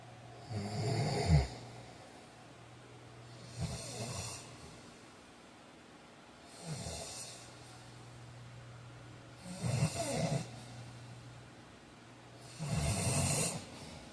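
Five rumbling, fluttering snores on inhalation, about one every three seconds, roughly 20 breaths a minute: ordinary sleep snoring.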